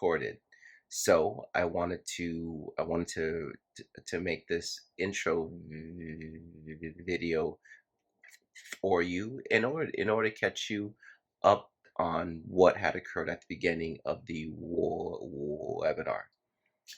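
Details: Man who stutters, moderating a workplace webinar; stuttering.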